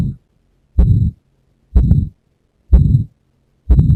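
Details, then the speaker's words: PACES station patient with severe aortic stenosis from degenerative calcification and ILR, stethoscope at right second intercostal space, breath held after exhalation: regular heartbeat near 62 per minute with harsh ejection systolic murmur. "So this is the aortic stenosis murmur that I found that he has got a ejection systolic murmur."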